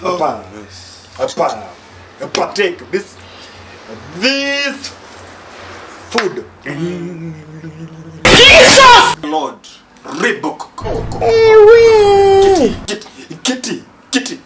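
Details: Man who stammers leading a prayer before a meal in a comedy skit; stuttering (acted).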